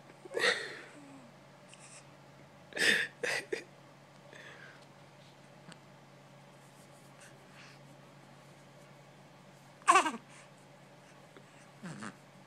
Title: My Baby making noise in his sleep